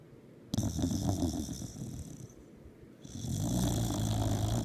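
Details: Snoring: two long, low, rattling inhalations with a hissy edge, separated by a quieter stretch.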